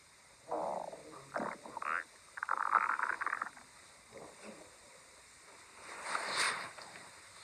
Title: My stomach growling